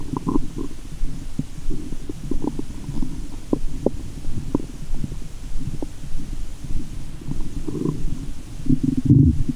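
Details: Frequent low gurgles, pops and rumbles with some sloshing, picked up by a GoPro and stethoscope in the belly button after candy and fizzy Japanese soda while belly waves are made; active bowel sounds.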